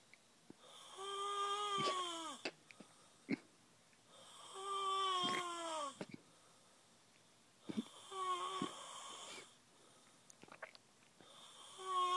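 Loud snoring with a whistling, musical tone on each breath in, about 17 breaths a minute, followed by quieter breaths out.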